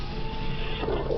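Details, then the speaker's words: Patient with several months of dyspnea and exertional chest pain, heard at the right upper sternal border. A steady rushing murmur in both systole and diastole that seems continuous, from combined aortic stenosis and regurgitation. "The murmur sounds present in both systole and diastole. That is, a continuous murmur."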